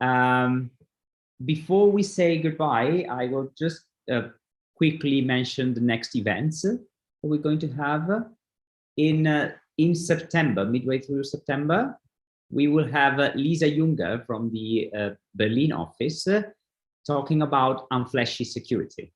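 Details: Adult man speaking; plain speech.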